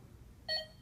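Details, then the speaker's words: Patient monitor heartbeat beep, a single short electronic beep per beat, on a Biolight M8000 with CO2, driven by an ECG simulator set to 60 beats per minute via a three-lead ECG cable; simulated, not a real patient. "this is just a simulator to simulate to give us a rate here and as you can see we're going to have 60 beats per minute on that"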